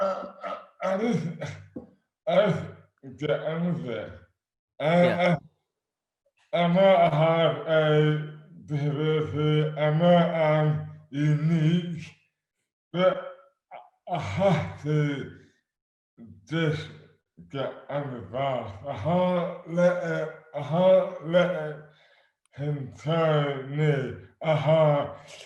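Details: Adult man with dystonia; slurred speech began suddenly overnight after a night out on the May bank holiday 2008, without known cause; hands also affected; speech dramatically impaired; dysarthria due to oromandibular dystonia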